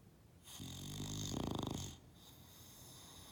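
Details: Bulldog napping and snoring loudly: one loud rattling snore that flutters as it peaks, then fades into quiet breathing.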